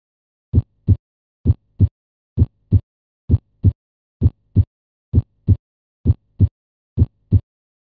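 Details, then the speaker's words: Simulated regular heartbeat at about 65 beats a minute with normal first and second heart sounds, S1 "lub" and S2 "dub", presented as basic normal heart sounds. "the S1 heart sound is usually described as sounding like the word lub and the S2 heart sound dub"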